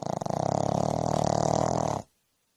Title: Worlds loudest snoring dog